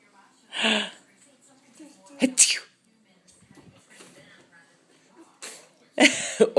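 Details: 11-month-old infant sneezing: several short, explosive bursts of air with soft vocal sounds between them.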